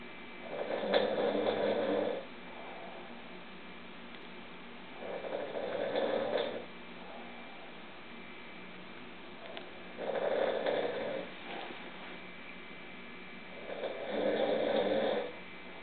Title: snoring 002